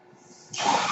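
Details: Noise from the speaker's own mechanical ventilator, heard while he records a spoken podcast.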